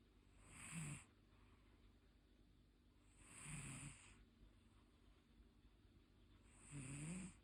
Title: How my cat snores and sees dreams 😻